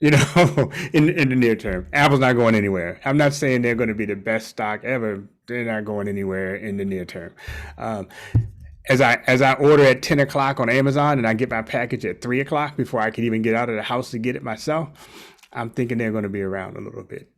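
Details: Adult man speaking; normal speech.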